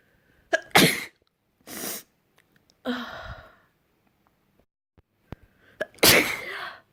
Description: Messy sprayed sneezes = great afternoon